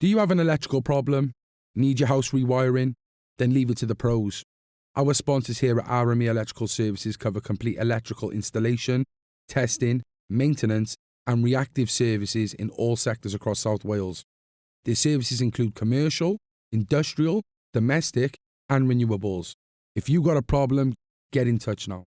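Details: Adult male speaker; normal speech.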